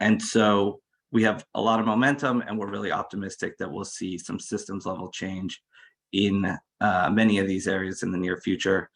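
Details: Adult male speaker; Normal voice.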